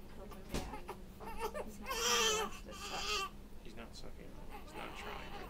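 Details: Infant in the NICU on day 96, during burping: fussing that swells into a brief loud cry, then settles into whimpers, with a steady hum behind it.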